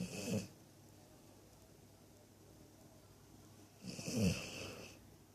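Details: Snoring during sleep: two soft, snuffling snores separated by a quiet pause.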